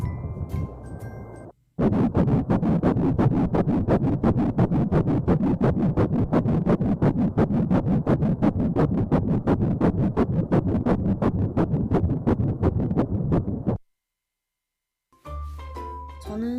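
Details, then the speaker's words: Fetal heartbeat on Doppler at 9 weeks of pregnancy, fetus about 5 cm: rapid, regular whooshing beats at about 170 a minute; normal early fetal heartbeat. "이제 심장 소리 들어볼 건데요 남녀 구별법 속설이 있더라고요"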